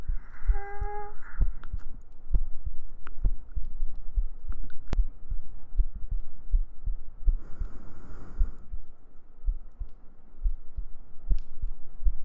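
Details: ASMR sleep-aid heartbeat recording: steady, regular low normal heartbeat thumps throughout, with soft humming and a breath in the background.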